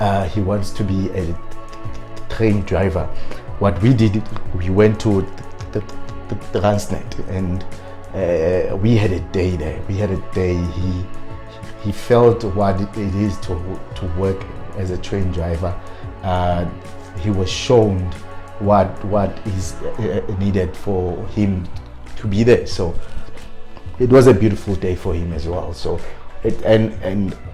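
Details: Adult man who stutters; he self-coached to work on his fluency but still stutters on certain words; stuttering.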